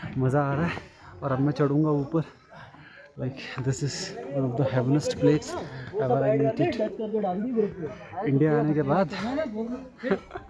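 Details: Male vlogger who describes himself as a stammering speaker, speaking Hindi-English, with a repeated word 'and'; stuttering.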